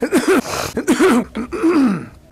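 Three harsh, voiced coughs in quick succession, each a noisy burst with a groaning throaty tail.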